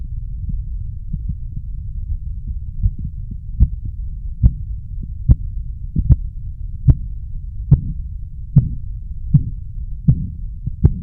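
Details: Korotkoff sounds heard while measuring blood pressure: sharp rhythmic taps over a low steady rumble, about 70 a minute.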